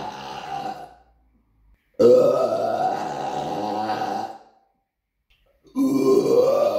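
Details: Deliberate burping in an apartment, recorded on a Samsung Galaxy S9 phone: three long, loud, rumbling belches separated by silence, the middle one lasting over two seconds.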